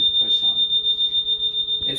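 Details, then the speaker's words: Steady high-pitched secondary acoustic alarm tone over quiet room noise, heard during the system self-test (SST) of a Dräger Evita V800 ventilator, which asks the operator to confirm the alarm is audible; ventilator alarm test tone. "is there a secondary acoustic alarm signal audible so you can hear it so then you press yes"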